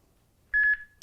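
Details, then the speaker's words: Brief steady electronic beeps pulsing a few times as a HeartSine 500 AED is switched on with adult pads, on a training manikin during CPR demonstration: defibrillator alert tone. "now you notice to start with it's saying that we're using adults now adults because if you had pediatric pads in there maybe they've been put in you would be hoping you to tell them"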